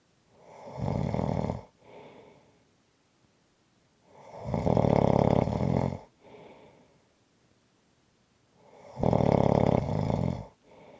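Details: Loud harsh snores on each in-breath about every four seconds, each followed by a short softer out-breath, in a quiet room; snoring.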